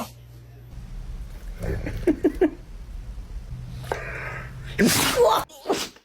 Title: Dogs sneeze 🤧 watch video #doglove #doglove #funny #doggielife #dog #pets #dogsworld #dogslife